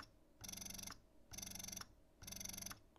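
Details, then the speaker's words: Medela Pump in Style electric breast pump switched from expression mode into let-down mode (cycle 70): rhythmic motor pulses in bursts about half a second long, repeating just under once a second. "so with this it actually starts in expression mode you as soon as you turn this on you want to hit this button to go into letdown you hear the difference"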